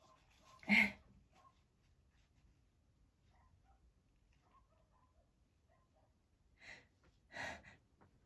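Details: Sneezing triggered by feathers: a sharp sneeze burst, quiet, then two more short sneeze-like bursts close together, quiet room.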